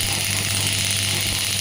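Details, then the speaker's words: Pneumatic (air-compression) radial shockwave therapy device, applicator firing on the hand at 4 bar: steady loud mechanical buzzing with a low hum of rapid pulses while shots are counted; demonstration. "Now I am going to start the sim. I have to press it. You can see I have the applicator, and now I am going to press this. You can see the shot is getting count it, and once the selected shot will be over, the device"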